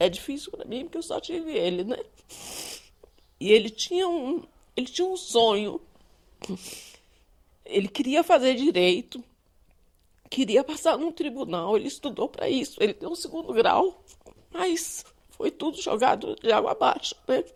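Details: Adult speaker; normal speech.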